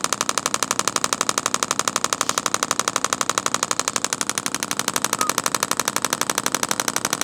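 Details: Intelect RPW 2 radial shockwave therapy on a patient's very tight, sensitive tendon spot, used for trigger point: rapid, very regular sharp clicking pulses, about four per second, from the device's internal magnet striking metal.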